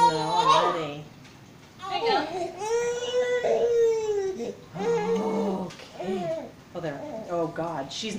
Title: Baby girl crying in her car seat a little bit